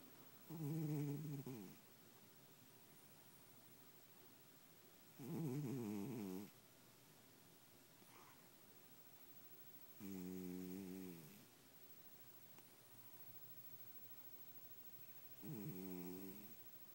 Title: tigger snoring